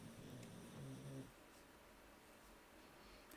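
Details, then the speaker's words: Loud snoring from a relaxed pet dog sleeping in the background. "Wow, my dog is snoring really loud. You guys can definitely hear that at this point."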